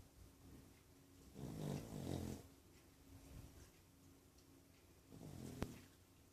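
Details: Snoring during sleep, recorded 26-04-14: two low rattling snore bursts close together, then a quieter one, over a steady room hum.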